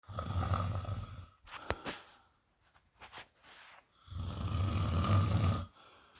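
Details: Husband sleeping: two loud, rough, low rattling snores on breathing in, separated by a quieter breath out; ordinary heavy snoring.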